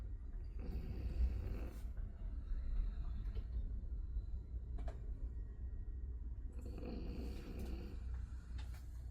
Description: Somebody is sleeping on the job at the NarroWay Theatre... and snoring rather loudly for such a little body!